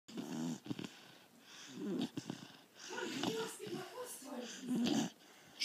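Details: 4-month-old English Bull Terrier puppy snoring while asleep: irregular snorting, rattling breath noises, with loud snuffly snores between quieter stretches.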